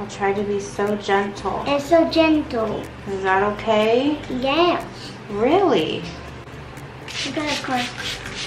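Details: Adult woman speaking to a child; typical adult speech.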